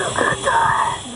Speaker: wheezing it's a severe asthmatic what you're hearing is the struggle to pull air into the lungs through airways that have spasmed closed